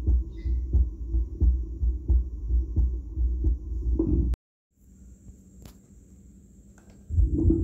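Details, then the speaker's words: Anaesthesia resident's own heart sounds, recorded through a stethoscope fitted with an audio recorder and played back over a speaker; he reports no murmur and a clear chest: normal heart sounds. "you can actually hear the heart sounds I would play them for you which I have recorded just today my heart tones in my lungs"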